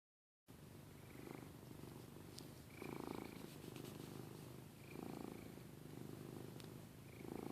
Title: Gorgeous Giada snores